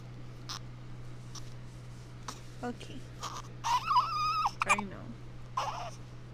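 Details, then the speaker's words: An infant girl with hiccups gives a brief whimpering cry with short catching sounds between fussing, heard over a steady room hum; infant cry. "Are you gonna cry? Oh. What's wrong?"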